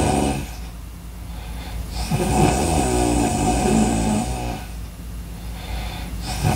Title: Breathing Loud Sounds snoring Sounds good for studying #entertainment #viral #video